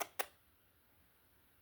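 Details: Two short, sharp sneezes close together from a Siamese cat, followed by a quiet room; the owner remarks the cat seems cold.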